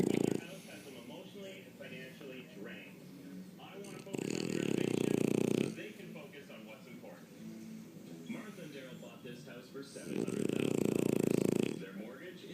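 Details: French bulldog asleep: loud, rough snores about every six seconds, with quieter breathing and faint background sounds in between; snoring.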